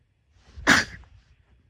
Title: sneeze 7